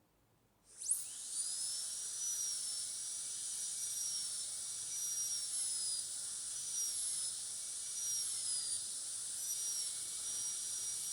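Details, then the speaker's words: High-speed dental drill breaking the thin enamel shell at mesial and distal proximal contacts of tooth 46 during metal-ceramic crown preparation; steady high-pitched whine with slight pitch dips as the bur meets resistance. "So this shell of enamel is going to protect the adjacent tooth from damage with the burr. So I am going to complete the proximal contact breaking now by breaking off its shell of enamel."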